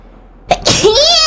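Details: VTuber chain sneeze: a sudden explosive sneeze followed by a high-pitched squeaky vocal sound, during gameplay chatter.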